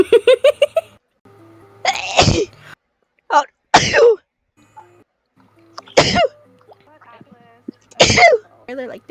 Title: Sneezing problems